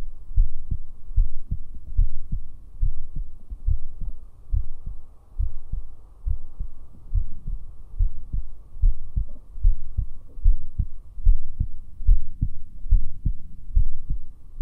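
Steady low thumping heartbeat, about 75 beats a minute, with a low hum behind it; regular rhythm.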